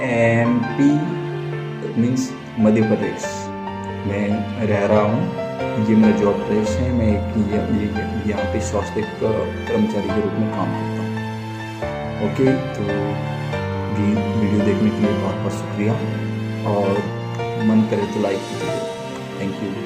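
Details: Stuttering (stammering), self-reported by an adult man, in Hindi speech over background music.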